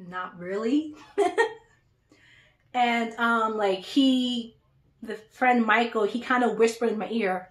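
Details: Adult woman who stutters; stuttering.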